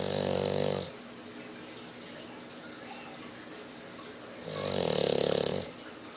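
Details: Dog snoring during sleep: two long, buzzing, rattly snores separated by a few quiet seconds; loud snoring.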